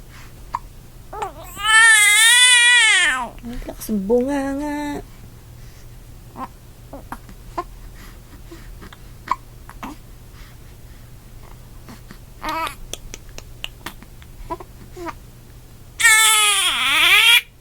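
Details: Infant with hiccups crying: three loud, rising-falling bouts with short catches and quiet gaps between them; ordinary infant cry.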